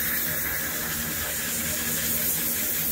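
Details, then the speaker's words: Steady hissing spray of a dental water syringe rinsing polish off a dog's teeth during an annual veterinary dental cleaning with mouth guide, before fluoride treatment. "Alger is gonna use his um little water gun here to kind of rinse off all of the polish so again same as human dentistry"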